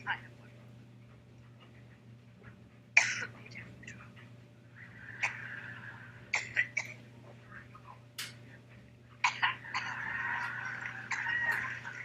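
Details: Repeated sharp coughs and throat clearing from an adult woman, interrupting her speech on the Iran nuclear agreement in a reverberant hall; a brief coughing fit.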